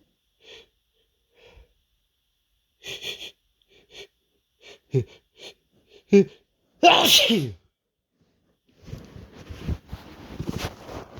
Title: Big sneezes (m)